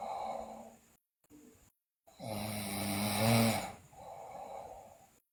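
Loud, harsh snoring on the breaths in, one long rattling snore building in loudness, with a faint hum in the background.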